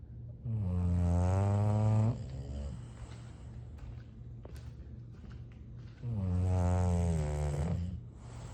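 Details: English bulldogs sleeping, with long, deep, rattling snores on inhalation about four seconds apart and quiet breathing between; loud snoring.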